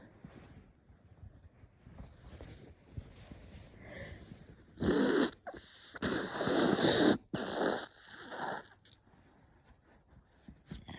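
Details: Adult with severe cat allergy, woke after cat slept on pillow, face burning, eyes swollen, runny nose: quiet sniffing and hitching breaths, then several loud sneezes in quick succession; allergic sneezing.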